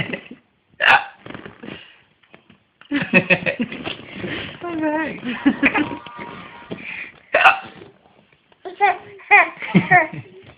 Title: Funny!! Baby Hiccups on Demand!